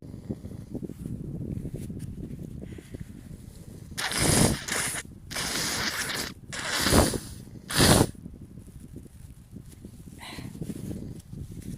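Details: Several quiet breathy exaggerated buildups, then repeated sharp hissing sneezes and a nose blow in a quiet room; snotty, sniffly sneezing.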